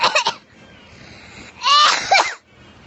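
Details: Two harsh, voiced coughing bursts with a quiet pause between them, from a 5-year-old child, recorded at a women's hospital. This is a cough.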